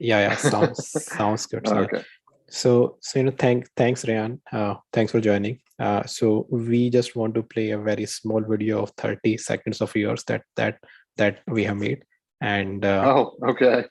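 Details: Man, 42, who has stuttered since about age eight and had speech therapy for several years in childhood; stuttering.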